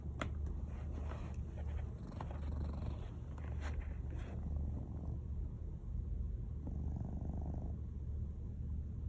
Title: Cat snoring